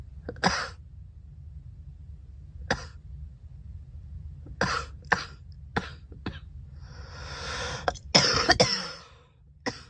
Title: Girl coughing 191